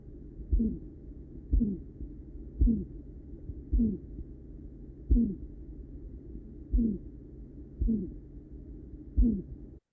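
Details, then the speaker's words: Regular heartbeats auscultated at the apex, each followed by a short musical, cooing ("dove coo") systolic murmur: the Gallavardin phenomenon, apical radiation of an aortic stenosis murmur, typically in an elderly patient. "activo en Apex y ahí descubro esto que se conoce como la irradiación o fenómeno de Galabardín."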